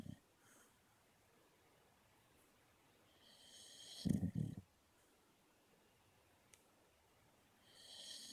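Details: Female Luca snoring, with quiet breathing and one short, loud, low snorting snore; she does much louder snores too.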